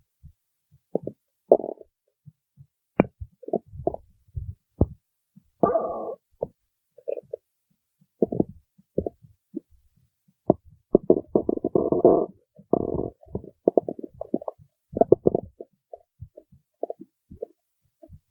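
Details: Stomach growling: bursts of low gurgling and squelching rumbles, some drawn out, separated by silence.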